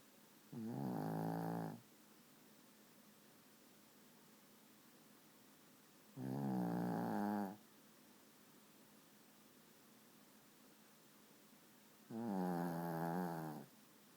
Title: Dude! You snore kinda loud for a 12lb dog!!